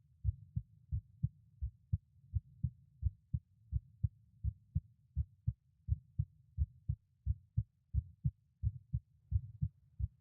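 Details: Recording of a member's heartbeat at each auscultation point at rest: steady, clear lub-dub pairs at about 85 beats a minute with no extra sounds between beats; normal resting heart sounds.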